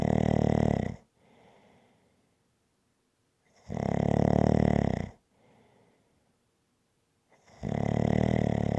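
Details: Loud, regular rasping snores on each in-breath with quieter out-breaths between, about 16 breaths a minute; snoring from an ASMR snoring-sounds recording.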